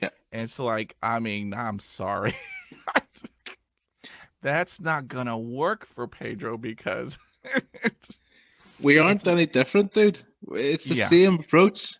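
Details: Adult male who stutters; stuttering.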